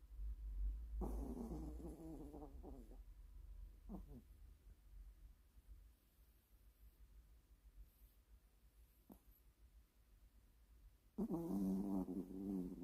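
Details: Sleeping Pomeranian dog snoring on a bed with its eyes open: soft, low, rattling snores in short bouts with quiet gaps between them.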